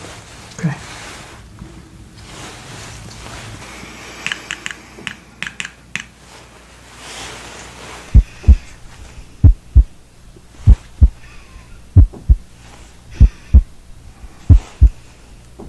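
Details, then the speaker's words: Adult in a medical roleplay being examined for shortness of breath and chest tightness, blood pressure 120/60, stethoscope on the chest with diaphragm and bell: S1 and S2 heard, no S3, S4 or murmurs; normal heart sounds. "so i'm definitely hearing normal heart sounds no murmurs i'm gonna listen with the bell side as well i'm hearing s1 and s2 not hearing s3 and s4"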